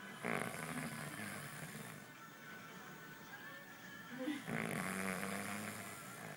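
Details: Two long, rough, rattling snoring breaths a few seconds apart, with faint music in the background; snoring.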